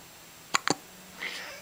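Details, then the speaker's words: Hiccups in a little one: two quick, sharp hiccups in close succession in a quiet room, with a faint voice afterward. "ok the little one has the hickups"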